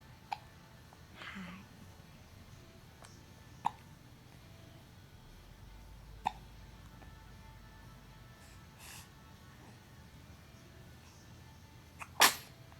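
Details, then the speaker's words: Several brief sharp hiccup sounds spaced a few seconds apart in a quiet room, with a final louder burst; a baby with hiccups. "Look to your left, baby. Look to your left. You got the hiccups."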